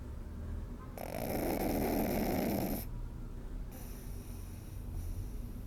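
A long, raspy snore is followed by quieter snorting breaths; this is a sleeping puppy snoring.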